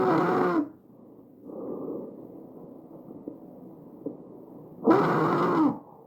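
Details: Tracheal stridor recorded over the trachea: harsh, high-pitched musical breath sounds, loudest in bursts, from upper airway narrowing.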